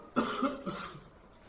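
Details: Physiotherapist demonstrating supported cough technique for COVID-19 patients, seated leaning slightly forward with support held at chest: single deliberate, moderately forceful cough that reduces muscle strain and saves energy.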